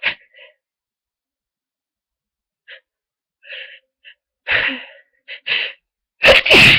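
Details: Person with a very bad cold, sneezing nearly all day: a fit of several short, sharp sneezes and breathy puffs in quick succession, ending in two loud, forceful sneezes.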